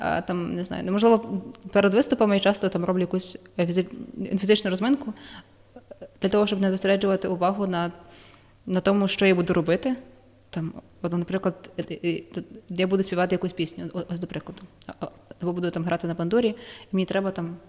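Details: Young adult woman with stuttering, describing her own lived experience and the methods that help her; psychotherapy, breathing techniques and work with shame are discussed; stuttering.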